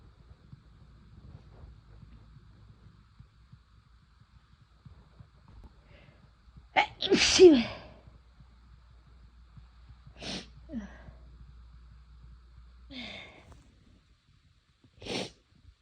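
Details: Using chhinkni sneezing powder for the first time: one big induced sneeze with a gasping in-breath, then three smaller sneezes after quiet pauses.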